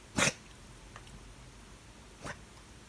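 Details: Dog woken from sleep gives one sharp, explosive, human-like sneeze, then a softer second snort in a quiet room; owner wonders if hair got up its nose; sneeze.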